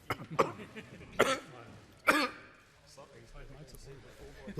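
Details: Adult male Australian Treasurer has a coughing fit during an economic address to parliament in Canberra: several sharp cough bursts with throat clearing between them, temporarily losing his voice; a later Covid-19 test came back negative.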